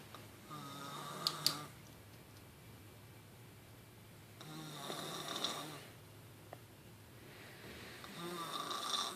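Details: Three rough, rattling snores on the in-breath, roughly 16 breaths a minute, with quiet gaps between them: typical snoring of a sleeping friend.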